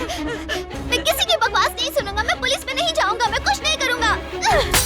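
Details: Acted portrayal in a feature film of a young man whose voice turns girl-like when scared, tense, very happy or angry despite normal medical tests; angry in this scene; puberphonia.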